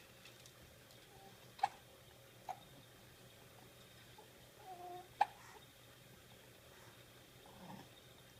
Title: Hiccups this morning. :)